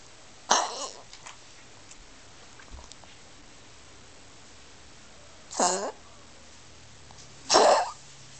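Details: Dog with three harsh, abrupt coughs spaced by several seconds of quiet; owner asks whether the Medicam didn't help; cough.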